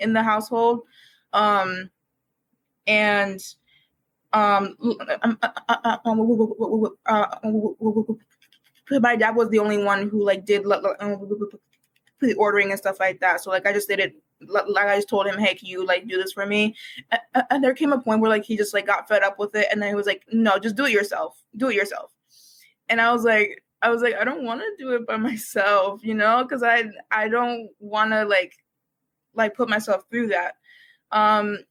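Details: University student who has stuttered for as long as they can remember and began speech therapy in kindergarten, speaking on a podcast with frequent repetitions and fillers; stuttering.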